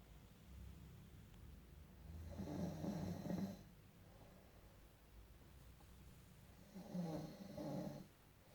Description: He wants to bring down our house, help, help lol. 24/7 snoring